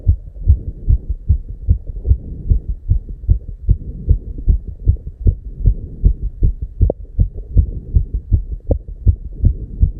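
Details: Very fast, regular low thumping heartbeat at 290 BPM, real heart sound, with no pause between beats; tachycardia.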